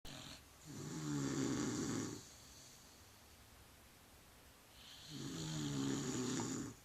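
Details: Two long, loud, rattling snores on inhalation, about four seconds apart, separated by quiet exhalations, from a sleeping man or dog (boyfriend and dog both snoring); heavy snoring during sleep.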